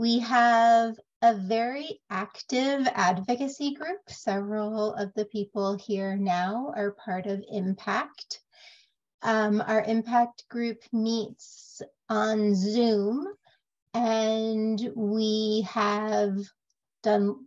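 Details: Aphasia in a member of a group of people living with aphasia, speaking at a virtual aphasia conference.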